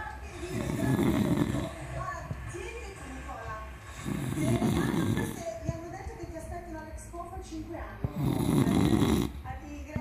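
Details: Pig snoring: loud, rattling, grunting breaths about every four seconds, with quieter breathing and faint talk between them; heavy snoring.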